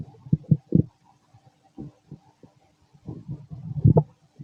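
Loud low gurgles and bubbling pops in irregular bursts, typical stomach growling from normal digestion.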